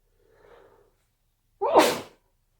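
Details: Induced sneezing fit: soft inward breath, short pause, then one loud explosive sneeze.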